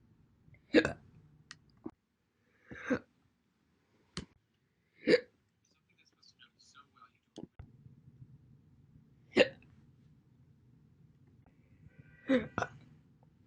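Six or seven sharp, abrupt single hiccups separated by quiet pauses, with faint background noise.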